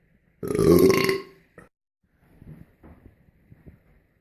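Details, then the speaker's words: Belching after drinking a bottle of soda: one loud, long, rumbling belch, then a short second burp, followed by quiet speech. "Can smell that one. That there should be a air freshener of a belch."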